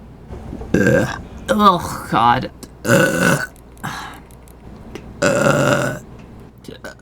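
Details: Burp compilation: several loud, drawn-out voiced belches with brief vocal sounds between them.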